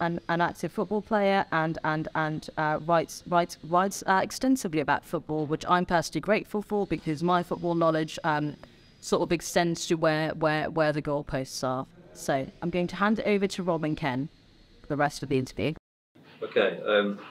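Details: Adult woman, presenter; typical speech.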